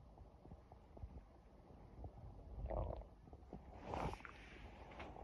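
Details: Person with an empty stomach, hungry: low, irregular belly growling and gurgling, rising twice into louder rumbles. Ordinary hunger-related borborygmi.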